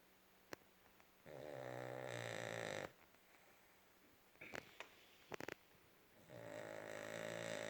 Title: Funny Dog Video - Funny Dog Snoring Very Loud 😂